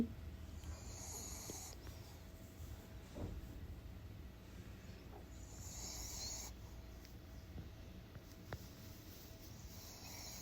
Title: Wait till the end 😅 #dog #snoring #shorts